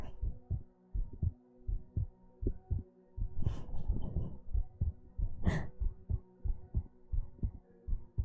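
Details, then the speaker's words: Heartbeat sounds in a 3Dio binaural ASMR whisper stream: a steady, regular, low thumping heartbeat with a brief whispery rustle and breath noise over it. "I don't think we've done heartbeats this successfully before. They're pretty audible."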